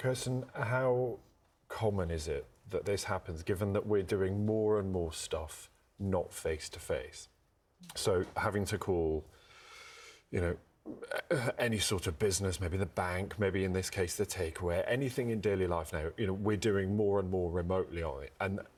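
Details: Adult male speaker; fluent speech.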